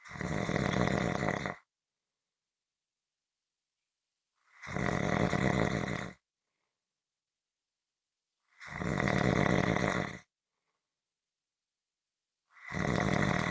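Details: Loud rhythmic rattling snores about every four seconds, roughly 15 a minute, with complete silence between; snoring audio for relaxation or sleep.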